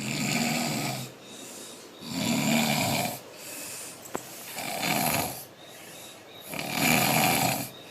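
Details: Loud, rough adult male snoring, about four to five deep breaths over eight seconds with quieter breaths between; steady snoring.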